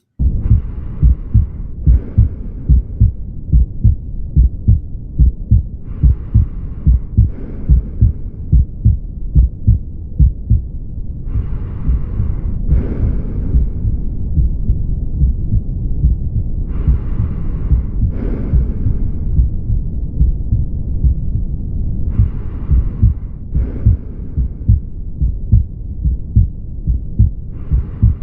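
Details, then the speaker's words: Mitral regurgitation on auscultation: regular heartbeat near 71 per minute with a soft systolic murmur. "Si quiero confirmar insuficiencia mitral, osculto en la axila. Ya ahí sí radia. Ahora sí escucha. tiene que escuchar un soplo sistólico."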